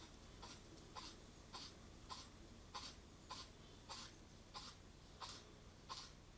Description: The male of the local fox family spends some time in front of the camera. And he has quite the sneeze attack!